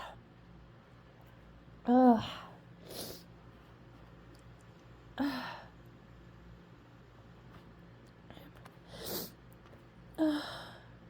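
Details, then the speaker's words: Female with a stuffy, intensely tickling nose deliberately holding back sneezes; several catching breaths and stifled sneeze bursts with sniffs between; suppressed sneezing. "not going to God this tickles really intensely I'm not going to sneeze I'm not going to sneeze don't sneeze we'll end it on a successful hold pack"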